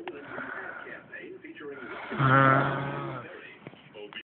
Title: Scary snoring! My brother recorded me -.-